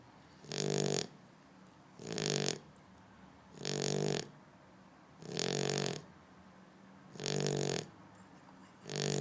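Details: Shar-pei dog snoring in sleep: regular rasping snores with each in-breath, about six in nine seconds (roughly 39 a minute).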